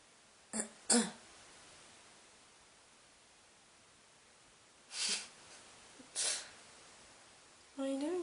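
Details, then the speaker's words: Adult person coughing, four short dry coughs in two pairs with quiet between, then a brief drawn-out vocal sound; repeated coughing. "Does my cough annoy you?"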